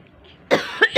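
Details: After a brief quiet moment, a mother gives a run of about three sharp coughs in quick succession while a small child laughs at her coughing; cough.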